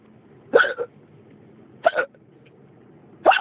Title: Hiccups again